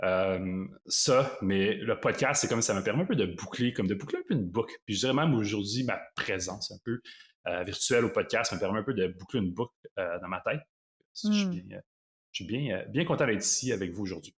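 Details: Adult man who lives with stuttering and calls himself a "chatty stutterer": stuttering.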